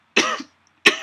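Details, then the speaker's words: An adult speaker pauses a recorded lecture to cough: two sharp, loud coughs about two-thirds of a second apart, the first trailing off briefly. "1 second, I have to cough again."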